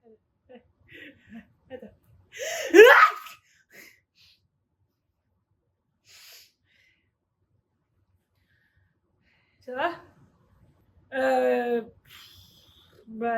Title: How loud does your dad sneeze? #queer # #comedyskit #sketch #queertiktok #sketchcomedy #French #dad